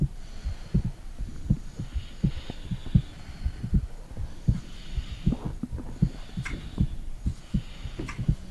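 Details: Mother's heartbeat recorded by phone microphone on her stomach during a heartbeat check comparing both hearts: soft, steady low thumps at about 80 a minute, with faint gurgling and a low background hum.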